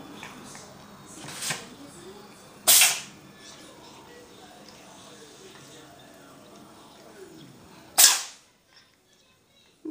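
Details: A cat sneezing: two sharp, explosive bursts a few seconds apart, with quieter sniffs before them.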